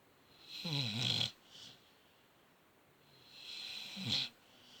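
Two rough, fluttering snores on the in-breath from a sleeping dog, with quiet room noise between them.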